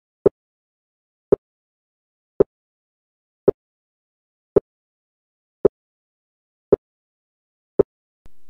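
Simulated sharp, single clicks repeat evenly at about 56 a minute in silence. Each click is crisp with no doubling. Two sounds with no interval between them are heard as one unsplit sound.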